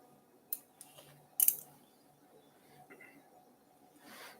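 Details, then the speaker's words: Live dog surgery: recut of a previously incompletely excised grade one soft tissue sarcoma with flank fold flap reconstruction; a few sharp metallic snips in a quiet operating room as surgical scissors cut suture ends. "with normal axial pattern flaps it's about fifteen percent we'll cut both them yep"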